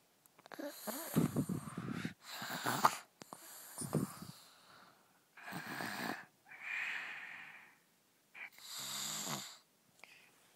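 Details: Person snoring: loud, rattling snores alternating with hissing, whistly breaths, about six in ten seconds, with silent pauses between.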